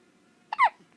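A single short, sharp voiced catch of breath in a quiet room, typical of a hiccup.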